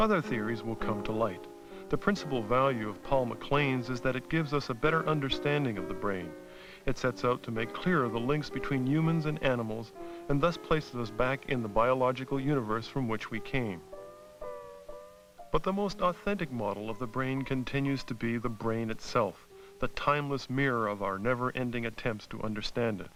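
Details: Adult male narrator; normal speech.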